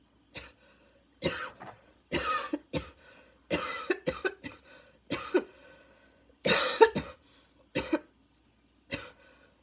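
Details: Adult's repeat coughing fit of about a dozen harsh barking coughs with faint wheezy tones between them, inhaler badly needed; barking cough fit with wheeze.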